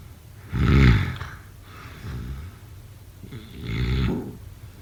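Low rough rattling noises on breathing in during sleep, a loud one then softer ones; snoring.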